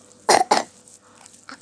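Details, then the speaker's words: Young girl with a cough and runny nose gives two quick, harsh cough bursts, followed by quiet room sound; cough. "Aku batuk ya. Aku nggak boleh minum. Aku nggak boleh."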